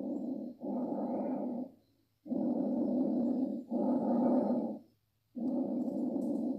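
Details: Teaching sample of diminished breath sounds, replayed in a lung auscultation quiz: soft, muffled breath sounds with low airflow noise through each cycle.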